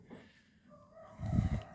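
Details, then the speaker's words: A single short, low, harsh cough from a sheep with a severe cough. "ini kita mau ngobatin salah satu domba yang e Lagi batuk lagi batuknya sudah parah pemirsa"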